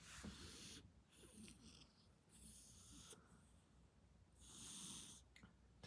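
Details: Elderly pet cat asleep beside owner working from home: repeated hissing, rattly breaths with low snorts, about three cycles in six seconds, described as louder than a person's snoring; snoring.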